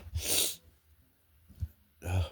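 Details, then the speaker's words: Adult with allergies, woke up sneezy: two forceful hissing sneezes with a short sniff between them; says allergies are really bad today, a lot of sneezing, and needs to blow nose. "man, my allergies are really bad today. It's a lot of sneezing."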